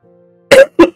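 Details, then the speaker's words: Adult with flu coughing repeatedly while speaking; cough. "saya sebenarnya suara Saya batuk berkali-kali saya kondisinya lagi nggak enak juga lagi flu juga seperti batuk"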